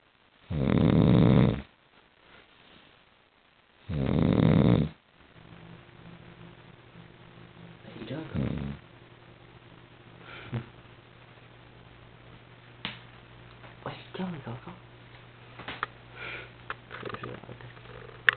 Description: my dog snores louder than my dang grandma